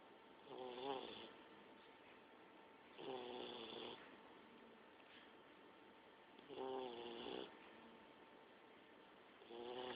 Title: Sargent Kodey the olde english bulldogge snoring 2.